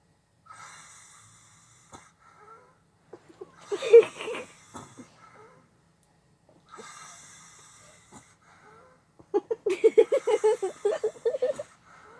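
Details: Two slow breath cycles from a sleeping woman, each with a rattling, fluttering noise on the breath, the second coarser and pulsed; snoring.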